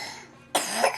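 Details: Young child coughing while eating: a single abrupt cough burst after a brief quiet moment; the child says it hurts, and the cough is described as bad.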